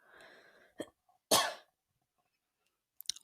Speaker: goodness I have talked myself dry apparently because I just had a coughing fit so I do apologize for that